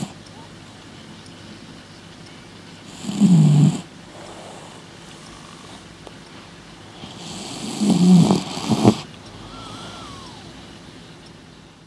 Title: Oliver the Snoring Cat